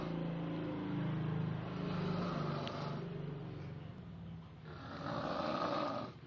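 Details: Snoring.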